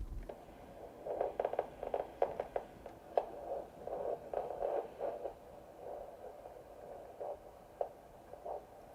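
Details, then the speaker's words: Handheld Doppler on the foot with ultrasound gel, during ankle–arm blood pressure comparison in an adult man: rhythmic whooshing arterial pulses; no indication of peripheral vascular disease found. "so we have a little ultrasound medium on your foot and then I'm going to pick up your Doppler pulse"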